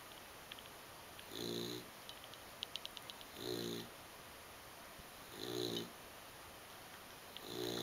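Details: Foster pet sleeping and keeping a housemate pet awake: regular low, buzzing snores about every two seconds, roughly 28 a minute, in a quiet room; snoring.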